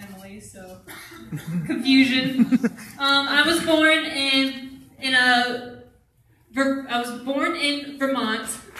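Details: Adult who stutters, with onset in early childhood; stuttering.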